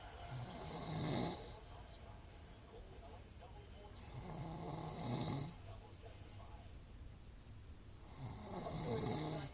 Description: Drunken grown man snoring!